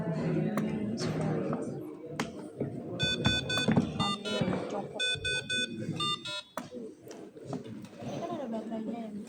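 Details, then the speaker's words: Ventilator mains-failure alarm after the power cable is unplugged, unit running on battery; repeated rapid electronic beeps over room noise and music, in an equipment demonstration. "Kalau misal ini dicabut kalau enggak salah ada haramnya apa? Mes failure. Nah, kalau ada nemu main failure berarti ini dicabut kabelnya"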